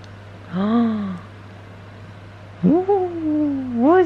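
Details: Newborn baby boy crying while being rocked and soothed: short, rising-and-falling wails with a steady low room hum; an ordinary infant cry.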